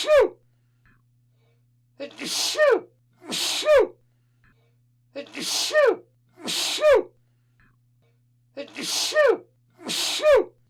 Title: Sound of Sneezing/ Zvuk kijanja